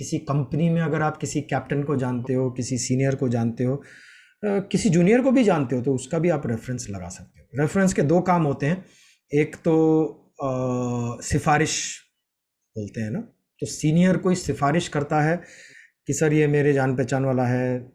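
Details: Adult male speaker; ordinary speech.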